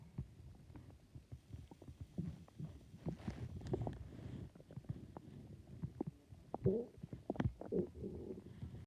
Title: My stomach growling again